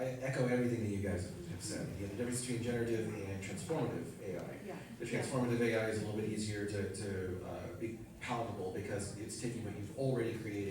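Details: Adult male speaker; Typical adult speech.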